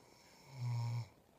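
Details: Adult woman snoring: a single low, buzzing snore lasting under half a second against quiet room noise.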